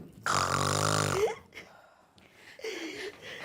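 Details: Acted snoring by an older woman in a comedy sketch: one loud, rough snore lasting about a second, followed by quieter breathing noises.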